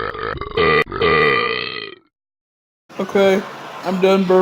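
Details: Person burping: two long, loud, rumbling voiced belches with a brief pause between them.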